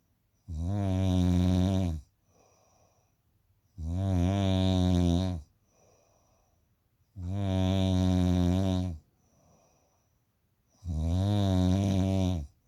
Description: Guess if this a man snoring or a woman.